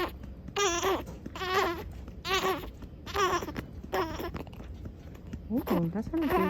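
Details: Infant on day 104, around feeding and burping: repeated short, high-pitched rising and falling cries with brief pauses between them; ordinary fussing cry, mild room noise.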